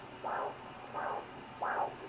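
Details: Handheld fetal Doppler in early pregnancy: soft whooshing pulses at about 85 a minute over hiss, a placental blood-flow sound rather than the fetal heartbeat.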